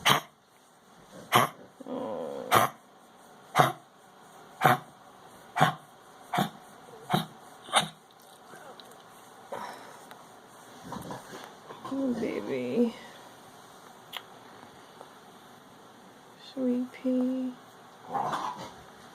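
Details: A female dog that has been coughing, gagging and sneezing for 10–15 minutes, owner worried: about nine sharp, dry coughs or hacks, then quieter gags and snorts.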